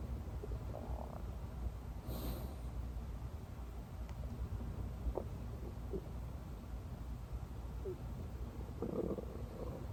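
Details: Stomach growls (borborygmi) recorded while the person sleeps: low, continuous rumbling with a few gurgles over a steady background hum.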